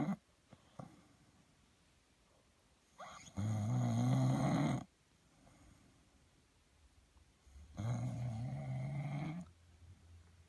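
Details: Husband snoring during sleep, secretly recorded: two loud, low rumbling snores about one and a half seconds each with quiet breathing between; snoring.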